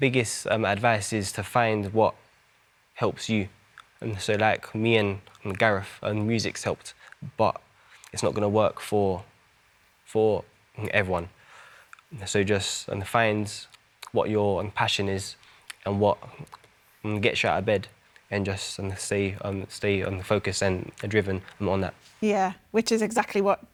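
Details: Adult male singer who has had a stammer since his school years; stammering.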